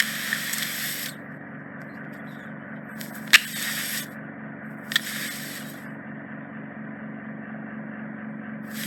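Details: Endoscopic microsuction of deep impacted ear wax in the isthmus (narrowing near the eardrum) of a woman's ear canal, by a consultant audiologist: steady suction hiss with louder high-pitched rushing bursts and crackles as wax enters the tip.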